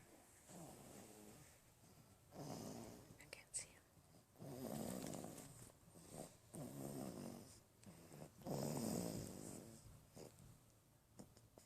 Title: Snoring baby! !!